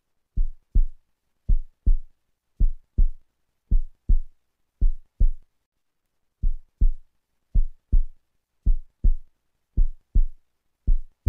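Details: Regular paired low thumping pulses, about 54 cycles a minute, from color flow and CW Doppler of flow through a perimembranous ventricular septal defect, parasternal short-axis echocardiogram view.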